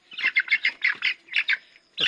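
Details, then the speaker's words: A chicken gives a run of quick, clear squawking calls with no cough or rattling, a normal healthy chicken vocalization, heard in contrast to chickens coughing from a cold. "দেখছেন ওর সাউন্ডটা দেখছেন এটা সুস্থ মুরগি দেখছেন এগুলো হচ্ছে সুস্থ মুরগি"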